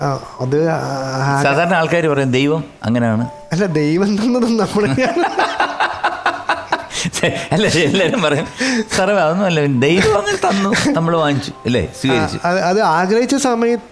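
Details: Adult talk-show host; normal speech.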